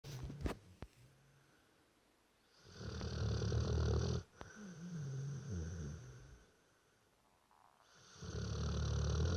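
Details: A sleeping dog snores loudly with low, rattling, repeated long breaths and quiet gaps between them.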